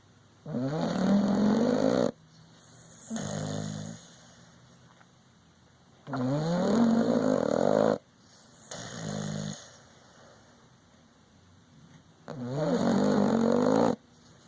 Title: Dog snoring